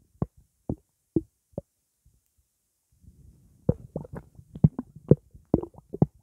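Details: Blackcurrant juice sloshing in the stomach after drinking: irregular soft plops and gurgles, sparse at first then in a busy cluster; normal stomach sloshing and gurgling.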